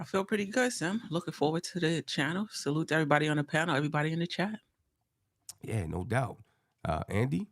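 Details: Adult male speakers, likely two voices; Normal conversational speech.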